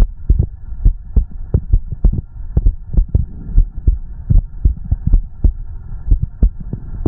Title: the sound of a heartbeat and stomach growling